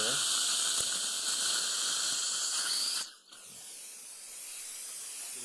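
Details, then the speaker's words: Dental implant site drilling into healed bone-grafted jaw after extraction of a failed root canal tooth, under local numbing, 5 mm diameter, 13 mm deep: steady high-pitched drill whine with water spray, stopping abruptly, then softer suction-like hiss. "Start placing the implant. About a 5 millimeter diameter. Lots of water. Placing a little hole here."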